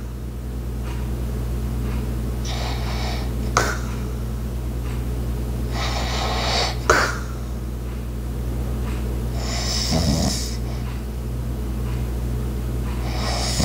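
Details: Soft, noisy light-snoring breaths about every four seconds, roughly 15 a minute, over steady room hum and household sounds such as an ice maker and clock; snoring.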